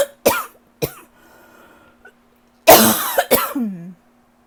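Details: Lingering cough that won't go away: several short, harsh coughs in a quiet room, then a rough throat-clearing cough.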